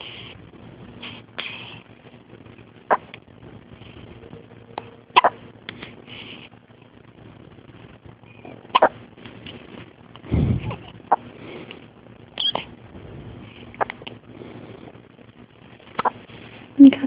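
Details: 1-day-old newborn in hospital: brief sharp catches recur every one to three seconds over steady room hum; hiccups.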